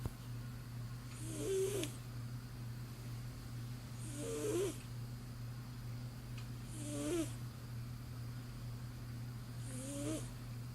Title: Fuzzybutt snoring